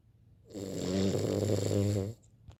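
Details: Cavalier King Charles Spaniel snoring: a single long, low, vibrating rumble on the in-breath lasting about one and a half seconds, then quiet.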